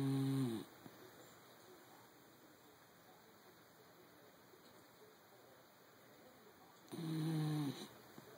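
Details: Sleeping dachshund snoring: two loud, droning groans about seven seconds apart with quiet between, over a steady high-pitched hum.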